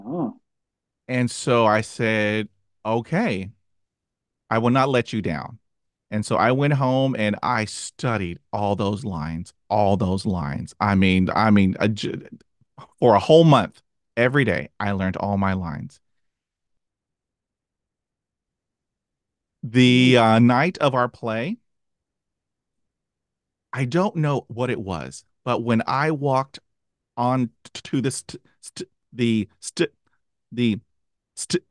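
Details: Stuttering in an adult who stutters, with part-word repetitions heard before a word.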